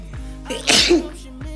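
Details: Young man sneezing: a single sharp, hissing sneeze over background music.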